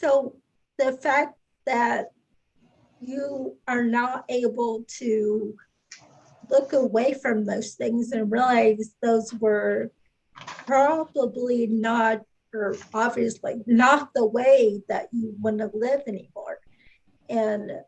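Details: Adult speaker; typical speech.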